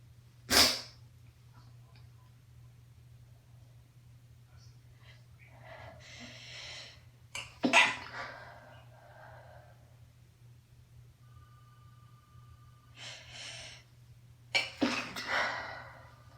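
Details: Variety of stifled sneezes (pinched, hands-free, failed and half-stifled); several sneezes, some stifled or pinched and one abrupt, with quiet breathing between.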